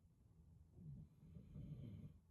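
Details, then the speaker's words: A sleeping pet named in the recording gives two slow, quiet, low rumbling swells of noisy breathing over faint room background; snoring. "Can you hear snoring?"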